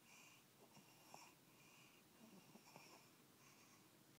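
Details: Snoring during sleep: repeated hissing, whistling breath sounds about every second in a soft, snore-like rhythm.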